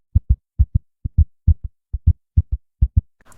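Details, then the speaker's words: Tachycardia demonstration, fast heart compared with a normal one: rapid, regular paired heart sounds at about 130 beats a minute. "así se escucha un corazón normal así se escucha un corazón taquicárdico o rápido"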